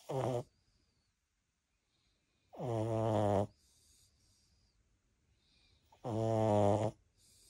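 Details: French Bulldogs sleeping beside their owner, loud buzzing rattly snores on each in-breath, three in about seven seconds, with quiet whistly out-breaths; typical flat-faced dog snoring.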